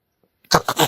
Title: When a sneeze takes the cat by surprise#SneezingCat #cat#funnycats#fyp #foryou